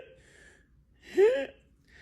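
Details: Inspiratory stridor in croup.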